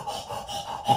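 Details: Dog with tracheal collapse in respiratory distress; the condition causes a dry, honking cough.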